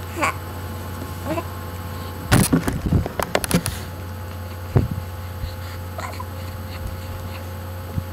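Brief, abrupt catching sounds in the throat over a steady low room hum, fitting hiccups.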